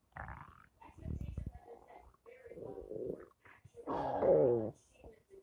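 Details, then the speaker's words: Loud, drawn-out gurgling growls and squeaky rumbles in several bursts from the speaker's own stomach: ordinary stomach rumbling, or borborygmi. "My stomach's making noise."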